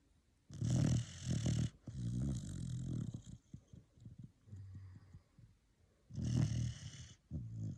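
Repeated low, rattly, grumbling snores with fluttering breaths between them, about three bursts in eight seconds. Snoring in a sleeping puppy.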